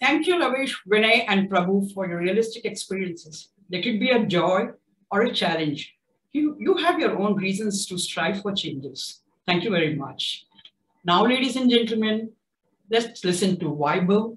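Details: Adult event host; typical speech.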